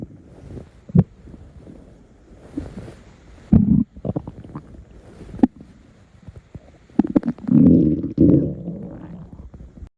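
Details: Stomach growling heard from the abdomen: irregular low gurgles, pops and longer rumbling growls; ordinary borborygmi.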